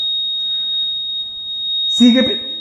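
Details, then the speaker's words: Mechanical ventilator in an intensive care unit, deliberately switched off to show accidental shutdown: a steady high-pitched safety alarm keeps sounding after switch-off, with a brief voice at the end. "se apagó y sigue gritando. Cinco pasos. O sea, esto no se apaga porque Ajá. Listo. Dispositivos muy muy seguros."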